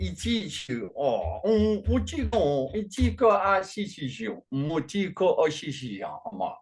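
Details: Adult man with functional neurological disorder; foreign accent syndrome began around 2019 with non-epileptic seizures, accent varies (sounds Chinese today), worse with strong emotion; speaking during a bout of gibberish; foreign accent syndrome with gibberish speech (functional).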